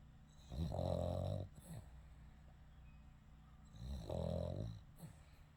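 Two loud, rattling snores about three seconds apart, with soft snorting breaths between them.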